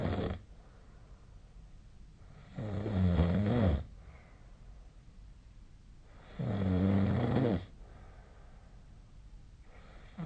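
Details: Low, rattling snores of about a second each recurring roughly 16 times a minute with quiet breathing between, a sleep recording from 2025/03/04; steady snoring pattern.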